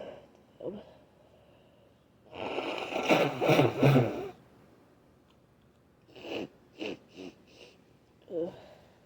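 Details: Adult trying to induce sneezing: wet, cloggy sniffles, groaning, coughing, eight stifled sneezes and nose blows; heard as a longer blowing burst, then several short, muffled sneezes and a few quiet sniffs.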